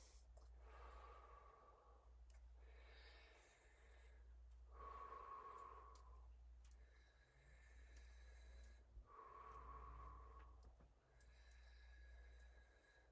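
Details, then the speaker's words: Normal clear breath sounds in an adult during a health assessment, auscultated over the anterior thorax at multiple points while taking slow deep breaths in and out; no wheeze, crackles or adventitious sounds. "Good. Lung sounds are clear. No advantageous breath sounds."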